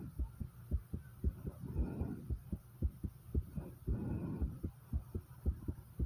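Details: Heartbeat recorded right after 50 squats: rapid, regular, low thumps at about 110 a minute with two heavy breaths; fast heartbeat after exercise.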